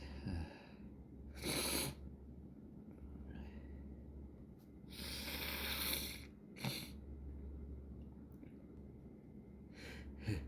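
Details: Small morning sneeze fit caught before breakfast: several sharp, hissing bursts of air through nose and mouth over a steady low hum.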